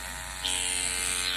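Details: Microneedling pen in operation during a PRP microneedling (vampire facial) on the face after topical numbing; steady high-pitched electric buzz of the small motorized pen against the skin, with faint room noise.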